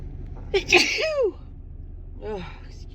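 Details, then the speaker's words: A woman's allergic sneeze attributed to dust allergy: sharp inward gasp, loud explosive sneeze, softer vocal tail; she says it tickles and she must sneeze again. Sneeze. "Excuse me. I think I have to sneeze again. It tickles."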